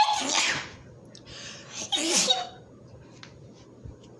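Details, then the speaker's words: Two quick, light, cute-sounding sneezes close together during a screen-recorded mobile game commentary, then quiet room noise. "um did I just did I just knees cutely I'm sorry I'm gonna end it now"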